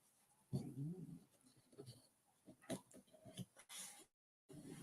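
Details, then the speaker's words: Dog sleeping under a table snoring: low, rumbling snuffles and snorts, with light rustling noises in a quiet room. "I don't know if you can hear, but Marlon Brando's under the table snoring away."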